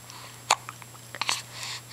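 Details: Hiccups in the morning: one sharp, abrupt hiccup burst, then a few softer catches in a quiet room.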